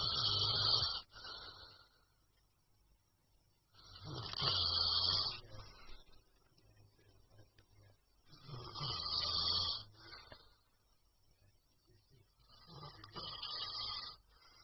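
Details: Loud rasping snores on each inhalation, about 14 a minute, with quiet pauses between; snoring.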